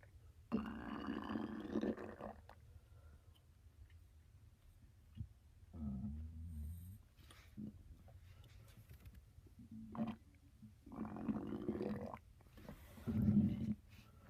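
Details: Stomach growling: several low gurgling, rumbling bursts with quiet gaps between them, from gas and fluid moving through the gut.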